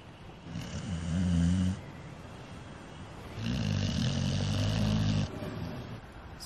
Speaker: Can you hear? My dog is snoring.